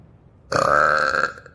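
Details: Animal burping: one loud, long, voiced belch lasting about a second.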